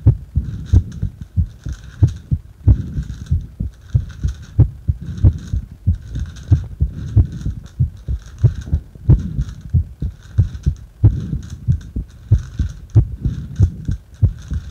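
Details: Heart sounds during paper-bag breathing, regular low thumping at about 90 beats a minute with rhythmic rustling of breathing into the bag behind.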